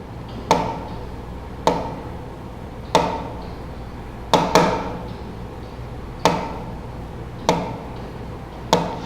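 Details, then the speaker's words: Tapped imitation of a pulse in a vital-signs class demonstrating an extrasystole: a regular rhythm with similar intervals, then one very short early beat, a pause, and a return to the normal rhythm. "Como ustedes ven, el pulso es rítmico, los intervalos son similares, pero en un momento determinado se produjo uno muy corto, después hubo una pausa y volvió otra vez al ritmo normal."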